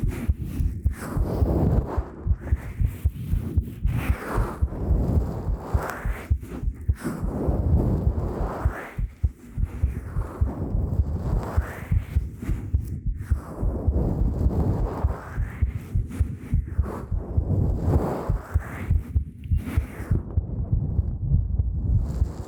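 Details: Heartbeat recorded with a 3Dio Pro binaural microphone in a talking ASMR roleplay: dull, repeating low thumps, roughly 100 a minute, among close-up rustling sounds; normal heartbeat.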